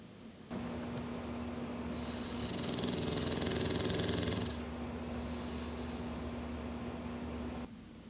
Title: Porkchop snoring